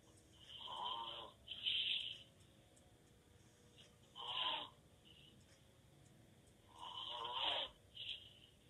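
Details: Adult man (boyfriend) sleeping with mouth open: loud, rattling snores every three to four seconds with strong breathy noise; open-mouth snoring.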